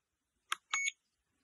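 Two short high electronic beeps from a cold laser therapy device as its timer button is pressed.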